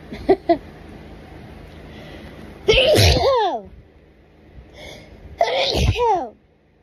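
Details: Two forceful sneezes seconds apart in a quiet room, each with a sharp intake and a loud voiced burst, part of an itchy sneezing fit at night, with repeated "bless you" between sneezes.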